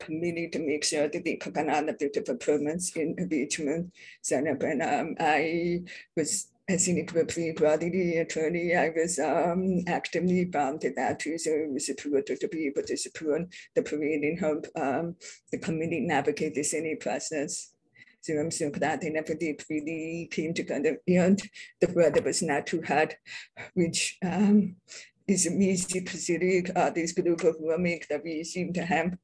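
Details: Adult deaf woman describing her own deaf accent; deaf speech (deaf accent).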